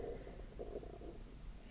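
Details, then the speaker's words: Adult's hungry tummy heard during a spoken prayer: low, gurgling, bubbly rumbles rising and falling over a quiet room; hunger borborygmi. "my tummy can you hear it somebody's hungry"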